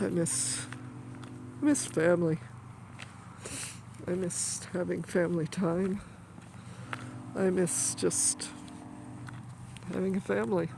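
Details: Adult woman with stuttering that she says comes on when she is stressed, occurring during grief after her mother's death.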